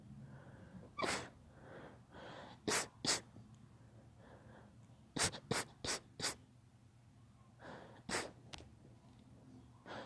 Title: My daughter's allergy sneezing